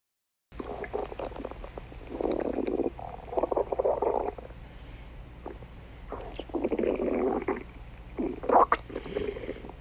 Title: Chase stomach growling 4